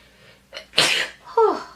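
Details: Person says they have to sneeze, then a quick indrawn breath, a loud explosive sneeze and a short voiced exclamation.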